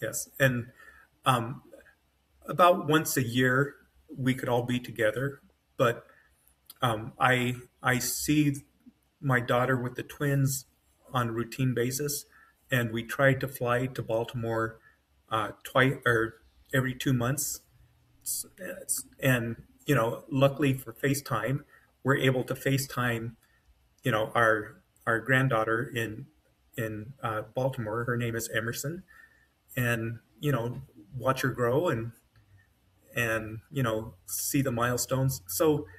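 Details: Adult man with mild to moderate aphasia after an AVM brain hemorrhage, surgery and a 10-day medically induced coma, with right-side paralysis and foot drop; brain faster than mouth, words sometimes hard to get out; aphasia.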